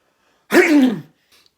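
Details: Comedy skit of a man holding in a fart when he sneezes: a single explosive sneeze lasting about half a second, with a faint sound just after; an ordinary sneeze.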